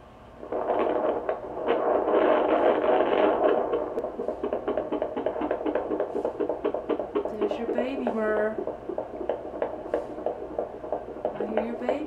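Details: Fetal heartbeat of a Golden Retriever puppy in utero, dam near whelping with temperature dropped to 98.5: rapid, regular whooshing pulses at about 240 a minute, a normal fetal rate.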